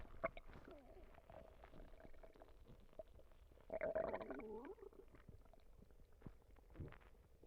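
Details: Ordinary stomach rumbling (borborygmi): low gurgling and rumbling bowel noises with a louder squeaky gurgle midway.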